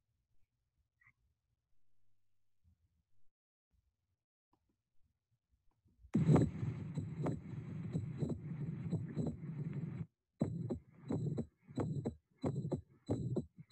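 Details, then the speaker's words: Mitral valve prolapse heard standing then squatting: a mid-systolic click and late systolic murmur that, with squatting's increased venous return and larger left ventricle, shift later in systole away from S1. "With squatting, venous return increases, causing an increase in left ventricular chamber size. The click and murmur occur later in systole and move away from S1."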